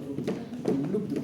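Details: Spoken imitation of a normal heartbeat, given in a lecture on heart disease in contrast to a gallop rhythm: paired soft knocks in the familiar two-part lub-dub rhythm.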